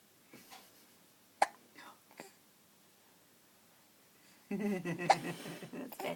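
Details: Smiling infant with hiccups: several sharp, abrupt hiccup sounds in a quiet room, then louder vocal noise near the end.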